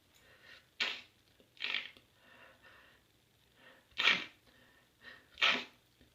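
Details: Snotty sniffles from a blocked, runny nose that keeps the person from sleeping: four loud wet sniffs with softer breaths between them.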